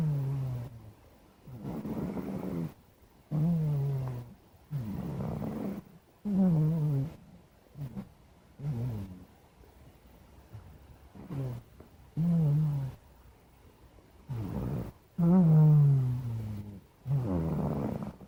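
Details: Black cat sleeping: steady series of low, buzzing voiced snores on each breath with short quiet gaps; ordinary cat snoring.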